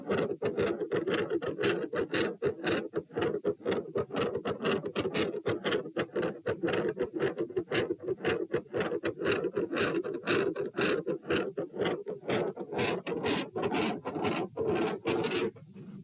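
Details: Rapid heart sounds (tachycardia) at about 118 beats a minute, recorded at position P while moving from standing to supine; the sound briefly fades near the end with the position change, then returns loud and still fast.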